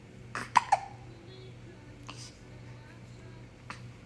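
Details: Baby boy with two sharp, quick catches close together, then a few fainter ones over low room hum; infant hiccups.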